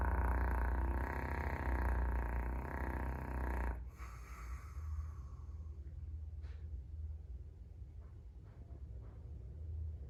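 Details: Caucasian Shepherd (ovcharka) dog sleeping in an entryway, snoring fairly tamely: a deep, rattling snore, then quieter breathing noises; snoring.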